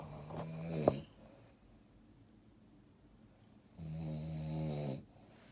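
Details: Two low, rattling breaths during sleep, the second a long drawn-out snore after a pause; ordinary snoring.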